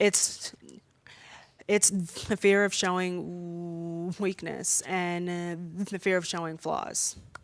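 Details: Adult woman who says she stutters much more when nervous speaking in front of an audience: stuttering.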